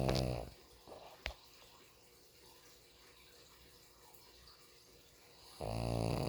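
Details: Pug sleeping with eyes open, snoring: two loud, buzzing snores with a quiet pause between them, noisy short-nosed dog breathing.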